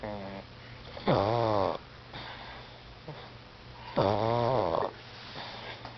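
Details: Female pug snoring while dreaming, with REM face twitching, then snoring herself awake: loud, vibrating snores on each inward breath, roughly every three seconds, with softer breathing between; snoring.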